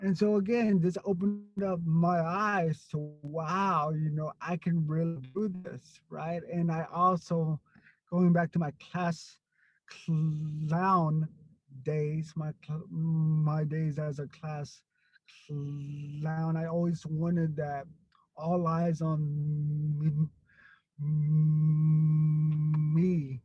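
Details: Stuttering in an adult man who stutters.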